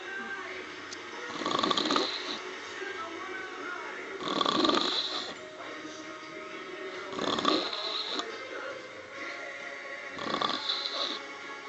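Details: Adult woman dozing off after drinking wine, gin and Baileys while watching a concert: four loud rasping snores about three seconds apart, about 20 a minute, music or television underneath; ordinary snoring.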